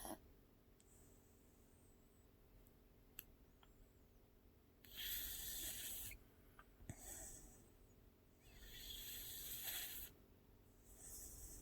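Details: Female pitbull dog asleep: soft, hissing breaths in slow cycles, about three over ten seconds, with faint snorting; light snoring during sleep.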